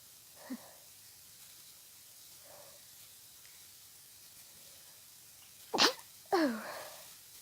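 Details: Person with seasonal allergies, sneezing all day, during an intense sneezing fit: a soft, breathy build-up, then two sharp, explosive sneezes in quick succession in a quiet room.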